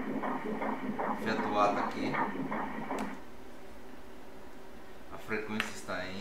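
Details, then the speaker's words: Fetal heart of twin B in a twin pregnancy on obstetric ultrasound Doppler: rapid, regular whooshing pulses at about 150 per minute, very similar to twin A, then quieter room sound; normal fetal heart sounds. "Denne er foster B. Frekvensen er på 150. Meget lig hinanden."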